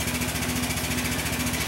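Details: Steady, rapid mechanical buzzing with a faint tone from a running high-frequency oscillatory ventilator's piston, recorded during a staff in-service.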